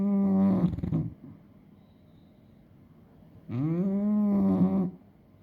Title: Hettie update snoring